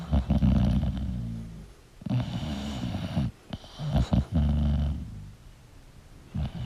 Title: 🐶 English Bulldog Sleeping & Snoring Sound Relaxing for Bulldog Lovers [1Hour]